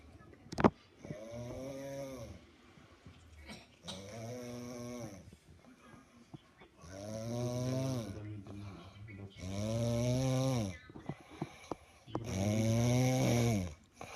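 Repeated low, groaning, voiced snores about every three seconds, growing louder; snoring during sleep.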